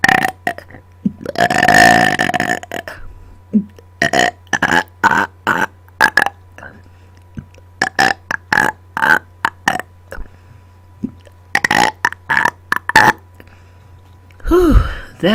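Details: Deliberate burping after dinner, recorded close to a microphone: a long run of loud belches, some drawn out and many short and rapid; repeated voluntary burping on command.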